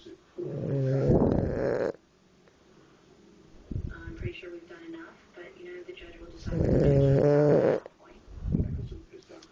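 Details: Snoring: two strong, buzzing snores separated by quieter breathing, with faint background sounds.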